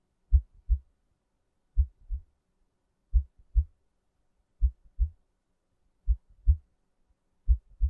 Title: Let's Relax Now: ASMR Heartbeat Sounds Guiding You To Sleep